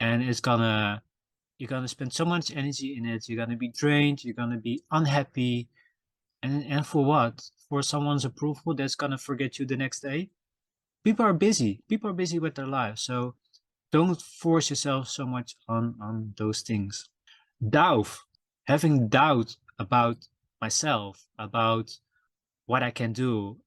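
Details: Self-reported stuttering in a male podcast host, who says his stutter can be heard in his episodes; stuttering.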